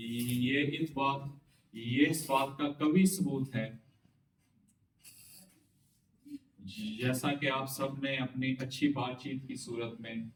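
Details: Adult man who has overcome stammering, speaking with the slow pattern and deliberate pauses taught on a stammering course, with a word repetition in the transcript; stuttering treated with a fluency technique.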